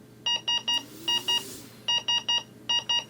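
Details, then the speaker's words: Breas Vivo 65 ventilator apnea alarm, sounding when no spontaneous patient breath is detected within the set time (e.g., 5 seconds): repeating bursts of three and two high electronic tones. "if for example this alarm is set at 5 seconds and there is no spontaneous breath from the patient in that time then this alarm will sound"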